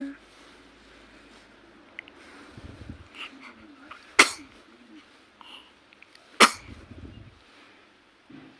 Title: One and half month baby sneeze and say mama❤️🔊#surprise #firsttime#babyvoice #sweetsmile #tryinghard